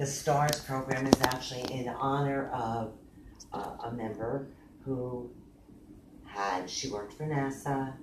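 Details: Adult man with aphasia after a stroke nine years earlier, with total right-sided weakness, speaking in a real conversation; aphasia.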